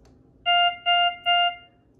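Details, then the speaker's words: ZOLL X Series monitor, CO2 button pressed with no disposable attached: three evenly spaced alert beeps, yellow light flashes and pump briefly starts; capnography alert tone, filter line not connected. "Machine beeps at me the yellow light flashes up here and you hear the pump start up for a second what the machine has now just realizes that there's not a disposable piece plugged in and the message up here filter line not connected reminds me to go ahead and plug that disposable piece in"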